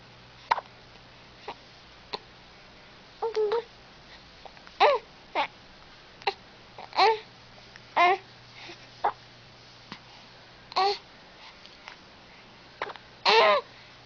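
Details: Smiling baby girl with hiccups: infant babbling and cooing, with brief sharp catches breaking in every few seconds.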